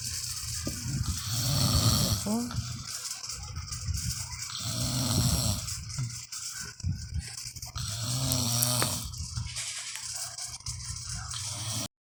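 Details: A father snoring: loud, low, rough rattling on each inhalation about every three seconds, with a child's voice and room noise between; ordinary snoring.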